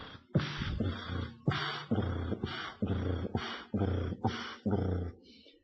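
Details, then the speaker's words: Stethoscope at the apex (mitral area): heart sounds about 66/min with loud, low rumbling murmurs filling both systole and diastole, double mitral lesion, mixed mitral regurgitation with mitral stenosis. "the last murmur is double mitro combination between MIT and mitosis together listen"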